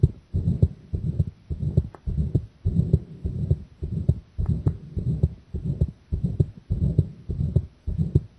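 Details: Own heartbeat recorded with the chest pressed (compressed), already pounding from the start: strong, fast, loud paired thumps at roughly 100 a minute, a pounding heartbeat.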